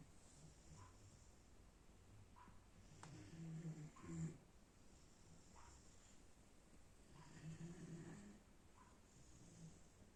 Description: A cute german Shepherd puppy snoring heavily at late night.